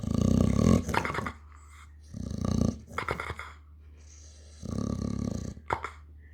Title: snoring dog